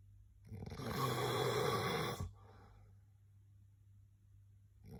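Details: Snoring: a single loud, rough snore of about two seconds on the in-breath, then quiet breathing over a steady low background hum.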